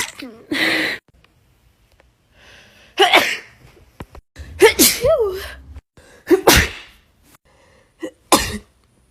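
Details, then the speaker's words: A woman with bad allergies and swollen eyes in a compilation of her own sneezes: several separate sneezes, each a quick indrawn breath then a sharp explosive burst, with short pauses and brief talk between them. "Let me print this out, and I'm going to. This is a compilation of me sneezing."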